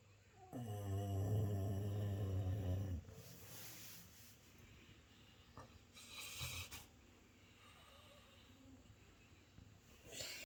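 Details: Sleeping Labrador dog in deep sleep: one long, deep, rattling snore on the in-breath, then quieter breathing in a still room: snoring.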